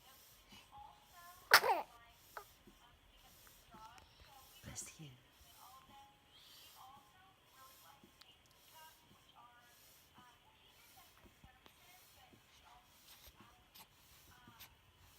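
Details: One sharp, brief infant sneeze early on, then quiet with soft chirping sounds in the background.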